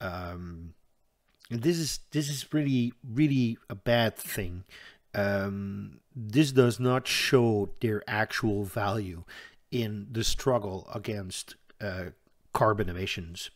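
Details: Stuttering in an adult Dutch man who says he stutters audibly all the time, with a stutter in which he hangs up between his words; word repetitions in this stretch.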